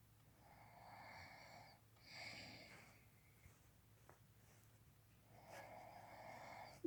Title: Snoring bear part 2